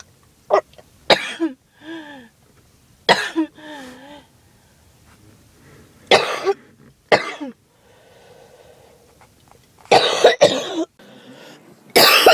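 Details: Harsh cough from an adult with a cold: about eight harsh, explosive coughs in separate bouts, some trailing into brief voiced groaning sounds, with background music.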